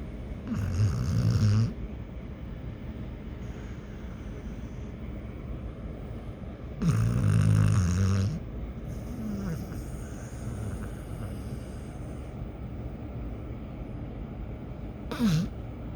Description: Dog snore is louder than human hahaha